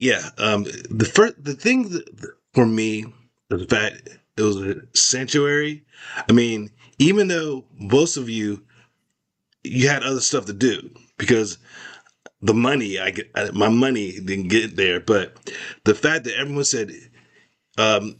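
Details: Adult male with aphasia after a stroke in 2022, in speech therapy; expressive language initially very impaired, receptive better, still trouble with dates and numbers; aphasia.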